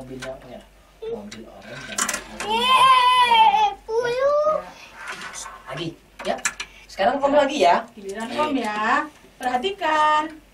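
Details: Child with hearing loss who uses hearing technology but cannot yet understand conversation or speak, vocalizing during an Auditory-Verbal Therapy session; speech of a child with hearing loss.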